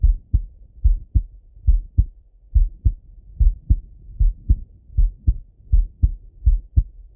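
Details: Male heart auscultated with a stethoscope, recorded either sitting at a desk or lying in bed: steady paired lub-dub beats at about 76 a minute, no added sounds; normal heart sounds.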